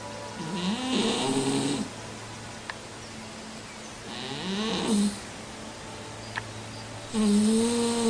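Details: Three slow breaths, about 18 a minute, each with a soft wheezy, whistling hum over faint airy hiss: gentle snoring from a cat in deep, relaxed sleep.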